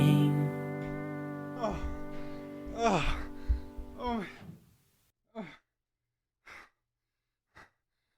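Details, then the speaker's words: Heavy breathing after running a full mile: deep, sighing breaths over sustained music, then three sharp, spaced exhales. "you guys will hear some nice singing and then you'll hear maybe some wheezing in your ear and we apologize for that"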